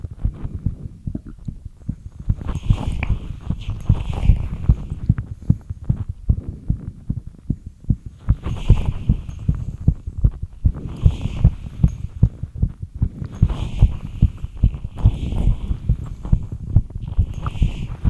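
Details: Fast heartbeat after light exercise: rapid, fairly regular low thumps with some background hum.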